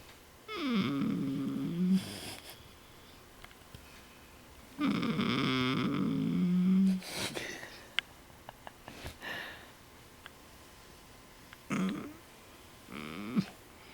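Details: Snoring: irregular rumbling, fluttering snores on the in-breaths, with soft whistling sounds in between.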